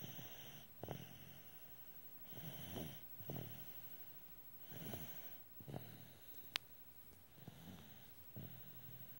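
Soft, rattling snores with snorting breaths, about seven in nine seconds, in a quiet room; ordinary snoring.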